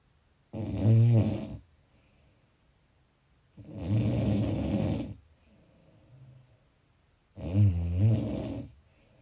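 Loud, rattling snores come with each breath in, about three over nine seconds, with quiet breathing out between. The finding is snoring.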